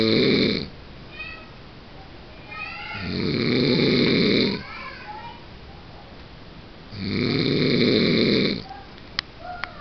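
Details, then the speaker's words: Husband, who denies snoring, filmed asleep: loud regular rattling snores every three to four seconds, about 15 a minute, with quieter breathing between; ordinary snoring. "Vejam Só eu vou filmar o roncando depois ele diz que não ronca"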